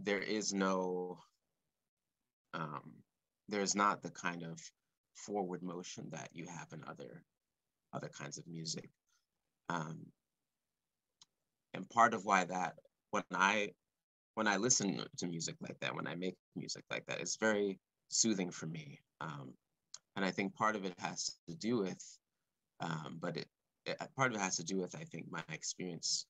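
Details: Male composer who has stuttered since about age four or five, speaking live and unscripted; he describes his stuttering as blocks and repetitions; stuttering.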